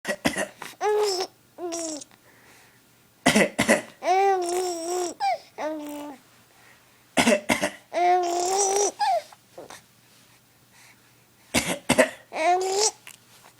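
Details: Young child coughing deliberately in four short bouts, each followed by bubbly laughter; she thinks coughing is funny.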